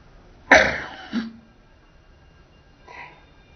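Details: Cat sneezing: a single sharp, hissing sneeze with a brief follow-on snort, then quiet.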